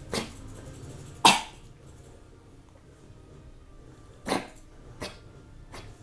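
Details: Several short, sharp, dry coughs from a dog over a few seconds; cause of the cough unclear to the owners.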